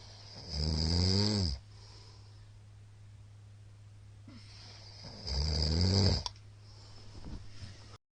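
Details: Middle-aged man's loud snoring during sleep: two loud, low, rattling snores on the in-breath, about eight seconds apart, with quiet breathing between.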